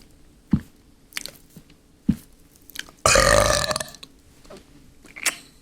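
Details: Deliberate burp after swallowing air by closing the jaw and pushing air down with the tongue: one long, loud burp with small throat and mouth clicks around it; burping.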